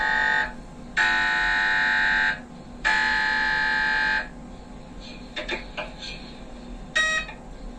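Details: MRI scanner noise: loud buzzing tones broken by lower rapid knocking, then scattered clicks and a short final buzz.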